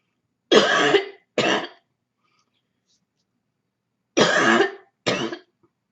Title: Cold Barking Cough